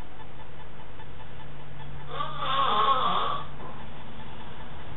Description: Snoring man woken with an syringe of water dropped into his mouth.